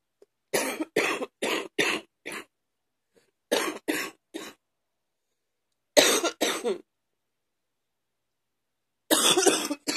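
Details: Ongoing morning cough that continues over days: four bouts of harsh, rapid coughs, about fourteen in all, separated by pauses; persistent cough.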